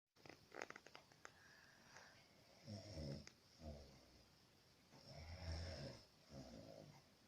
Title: Papa schnarcht. Snores my papa. Sleeping papa/#shorts#